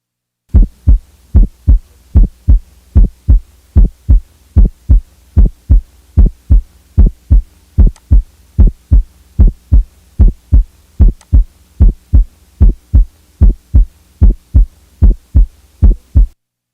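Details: Teaching example of a widely split first heart sound (M1 and T1), possible electrical or mechanical causes such as right bundle branch block: regular heartbeat near 75 a minute with S1 heard as two separate components.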